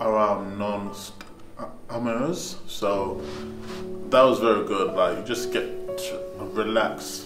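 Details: Young man who stammers, after an intensive stammering management course; stuttering (stammering).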